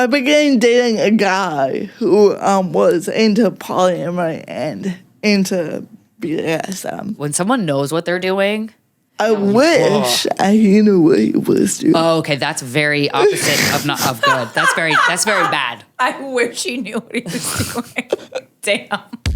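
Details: Adult woman with cerebral palsy that mostly affects her speech, making talking harder, and also affects fine motor skills and slightly her walking, with no mobility aid; dysarthria (cerebral palsy).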